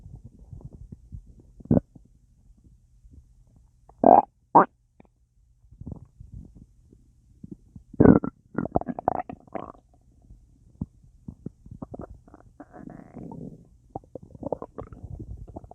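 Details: Full, bloated belly with a lot of gas after a large meal with a drink: irregular gurgling and bubbling abdominal sounds with quiet gaps, active bowel sounds (borborygmi).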